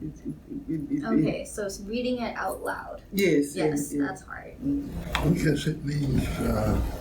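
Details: Adult speaker (interviewer); no disorder.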